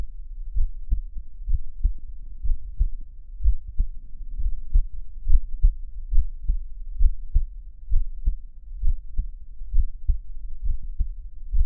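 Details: Chubby, hairy adult male listening to his own heartbeat for relaxation and ASMR: steady low thumps at about 66 beats a minute, regular rhythm; normal resting heartbeat.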